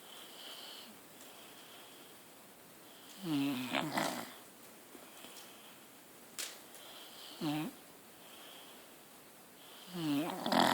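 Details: A deaf dog snoring loudly while asleep: rattling, snorting snores recurring irregularly every few seconds in a quiet room.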